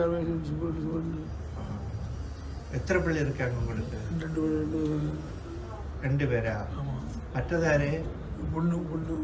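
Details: Adult male patient speaking; Palilalia.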